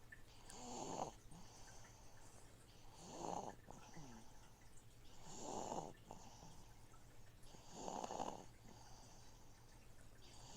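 Rhythmic rattling snores on each breath, about 25 a minute, over the steady trickle of a fish tank filter.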